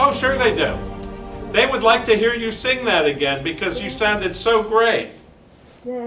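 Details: Adult speaker; Normal speech.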